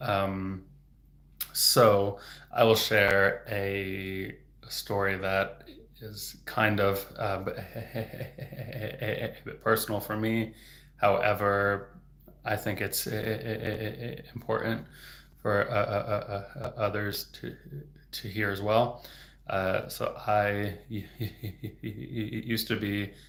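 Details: Real stuttering in an adult male who stutters, heard stuttering openly.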